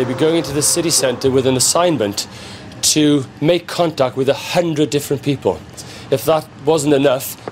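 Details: Adult male narrator; fluent speech.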